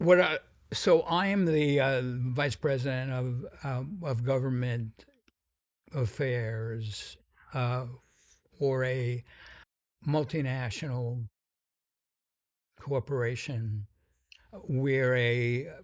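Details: Adult man with a sometimes noticeable stuttering that varies in severity; described by the host as a pretty strong stutter; stuttering.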